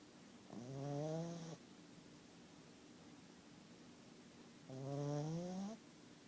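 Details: Slow, tonal, rising snores about four seconds apart with quiet gaps between, from a sleeping pet; ordinary snoring.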